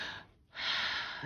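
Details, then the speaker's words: Lateral chest auscultation at the right upper lobe, mid-axillary line in the armpit, compared with the left upper: soft, even airflow with brief pause between phases, normal breath sounds. "so we start on the left with the left upper which is in the mid axillary line so right in the armpit so in a whole breast sequence now she's going to compare that to the right upper"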